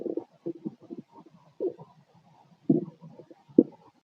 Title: Growling abs stomach noise 🩺 #body #auscultation #stomach #stomachgrowling #abdomen #abs #growls